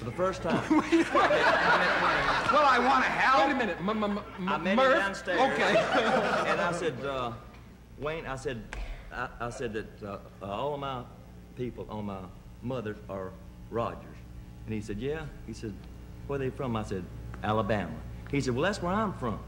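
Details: Adult male with a known stutter/stammer, speaking in a television talk-show interview. Stuttering.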